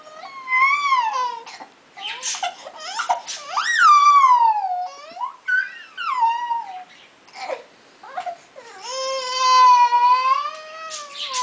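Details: Infant crying with hiccups: high-pitched, wavering whiny crying in bursts with pauses and rising and falling pitch, in a small room.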